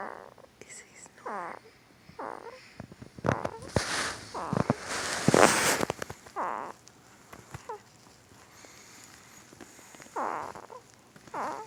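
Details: A 2-week-old newborn boy, hard asleep, makes soft squeaky, whistly noises and short grunting, snuffly bursts, repeated irregularly: newborn sleep grunting and squeaky snoring.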